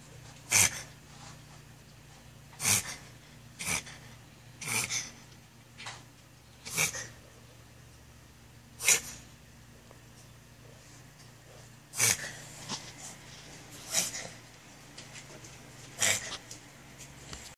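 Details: A dog gives about ten short, sharp, explosive coughs spaced irregularly over roughly eighteen seconds.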